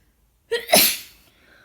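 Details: Person with a cold, sore throat and stuffy nose, sneezing messily all day: a single sneeze, a brief indrawn breath then a sharp, forceful burst of air; sneezing.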